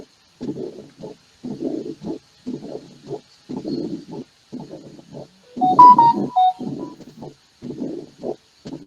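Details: Mitral stenosis murmur played in an internal medicine valvular disease lecture: a low, rough diastolic rumble between heart sounds, rising before each beat.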